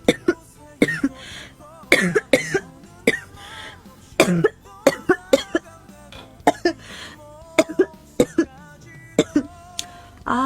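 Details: Girl with a sore throat, coughing during a live stream and saying coughing makes her body hot: about twenty short, sharp coughs in quick clusters, some paired, over soft background music; a frequent, persistent cough.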